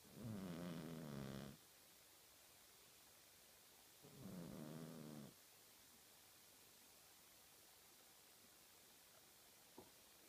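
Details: Two fluttering, vibrating snores on the in-breath, about four seconds apart, over steady room hiss; a sleeping cat snoring.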